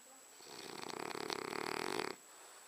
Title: French Bulldog Abercromby snoring